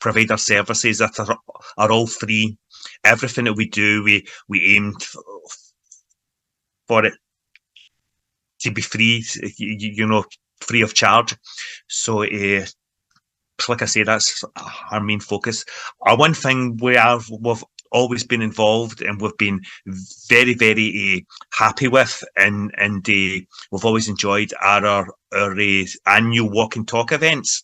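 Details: Man from Glasgow, Scotland, involved in stammering self-help groups for over 25 years, speaking in everyday conversation; stuttering (stammering).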